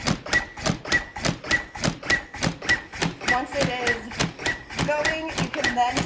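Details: Lucas external mechanical chest compression device on a training manikin, set to continuous compressions with plunger at the base of the sternum: steady mechanical thumps with short whirring, about 102 a minute.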